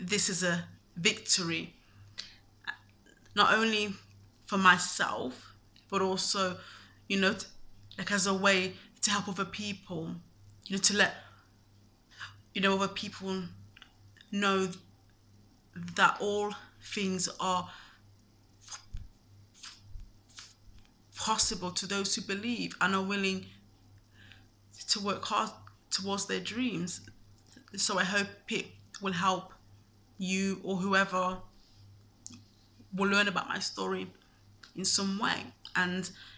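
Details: Adult man who has stammered since at least university, says he is not fluent and does not speak clearly, and avoided speaking roles for about three years because of it; stuttering.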